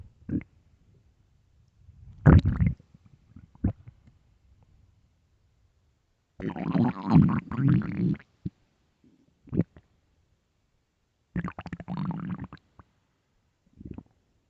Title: hungry stomach growling and crying for food (starving) LOUD